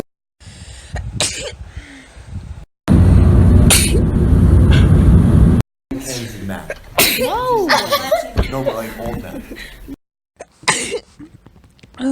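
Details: Person sneezing repeatedly for a couple of minutes: several loud, sharp bursts of air with a noisy rush and short vocal catches, with background talk and music.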